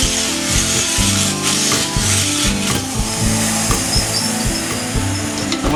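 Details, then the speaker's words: Power float filing a high front tooth in a 10–12-year-old Pura Raza Española horse during routine dental floating: steady motor hum with rough, uneven grinding. "he occlusal surface lightly, but we don't go smooth because you want to leave a rough surface so the horse can grind."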